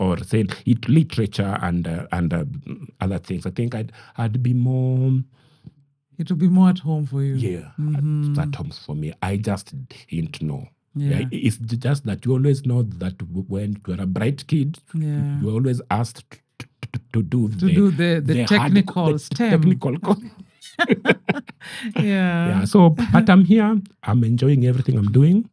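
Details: Adult man with stammering he describes as genetic, inherited from his mother, at times acute; word and part-phrase repetitions heard; stuttering.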